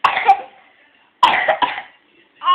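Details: Child coughing between bouts of singing: two short, harsh cough bursts a second apart, with the start of a third at the end.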